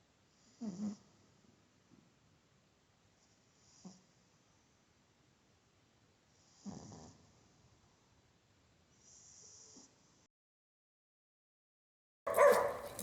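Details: Dog reverse sneezing: snorting, honking, abrupt spasmodic inhalations in several short bursts, with a choking-like sound; reverse sneezing.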